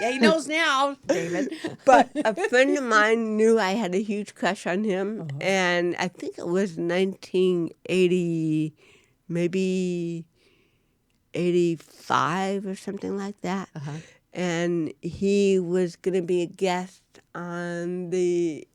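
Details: Woman (actress) with cerebral palsy, real, unacted speech in a studio interview; dysarthria (cerebral palsy).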